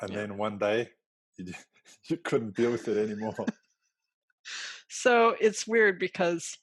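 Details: Adult speaker; normal speech.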